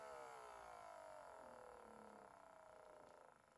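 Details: Steady pulsing motor whine slowly dropping in pitch as the cuff inflates, from a Welch Allyn Home 1700 Series automatic blood pressure monitor taking a reading after five minutes of quiet rest.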